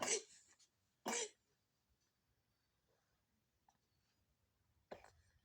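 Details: Horse with fever coughing: three harsh, explosive coughs, two close together and one after a quiet pause, in a quiet indoor space.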